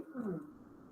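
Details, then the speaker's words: Pediatric critical patient on auscultation: a brief, high, harsh whistling breath sound, stridor, indicating upper airway obstruction. "Eu auscultei aqui esse paciente e eu estou ouvindo um estridor, né? Então, se eu estou escutando um estridor, isso me remete, né, a uma obstrução de via aérea superior, né?"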